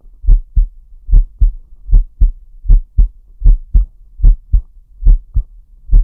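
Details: ASMR recording of a VTuber's heart and breathing sounds, deep breathing, with respiratory sinus arrhythmia noted: deep paired thumps at about 75 beats a minute with slightly uneven spacing; normal heart sounds.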